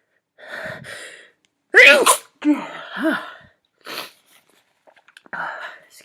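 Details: Simulated sneeze by a woman acting as a CEO giving a company meeting speech and blaming flowers in the room: a gasping intake, then two loud voiced sneezes with breathy exhales.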